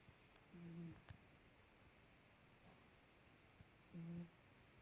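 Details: Faint snore: two soft, low humming breaths a few seconds apart from a sleeping 3-year-old female half-ragdoll cat.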